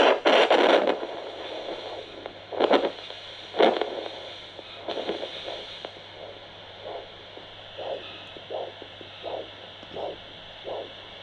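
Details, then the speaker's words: Handheld portable Doppler at the foot of a patient with important edema and a toe wound, checking for underlying arteriopathy: regular whooshing pulses about once a second over steady hiss, a clearly audible posterior tibial arterial Doppler signal. "Donc on va se mettre sur l'artère pédieuse que l'on entend, qui fonctionne bien."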